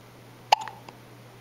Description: less than twelve hours from being born she is already getting experience with the hiccups